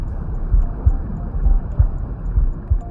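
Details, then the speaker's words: Adult heartbeat recorded with a smartphone-connected digital stethoscope: regular paired low thumps, about 65 a minute, with faint background hum; normal heart sounds. "if you are a new mom you may record your heartbeats and play them to your baby your baby may enjoy them because these are the sounds your baby enjoyed when he or she was still in the womb"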